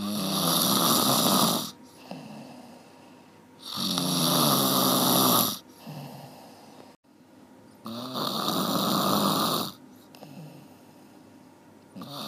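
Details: Loud, rattling snores on each in-breath, about 15 per minute, with quieter breathing between, from an hour-long snoring recording; snoring.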